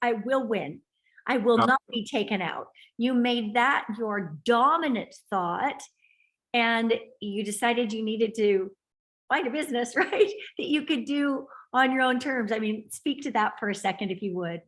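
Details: Adult woman speaking; ordinary speech.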